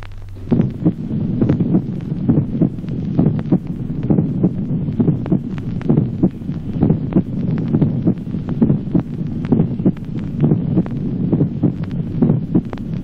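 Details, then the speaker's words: Teaching recording: regular heartbeat near 67 a minute with a distinctly doubled first heart sound, a manifest division of S1: wide split first heart sound. "ejemplo sexto duplicación del primer ruido cardíaco división manifiesta del primer ruido"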